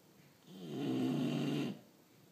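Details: Bulldog snoring: a single loud, rumbling, vibrating snore lasting about a second on a breath in.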